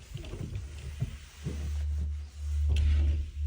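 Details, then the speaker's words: Adult man with an upset stomach, abdominal pain and diarrhoea, suspected bacterial, while traveling in Uganda; low, drawn-out rumbling and gurgling bowel sounds audible without a stethoscope. "Non, mince, on entend mon ventre qui gargouille."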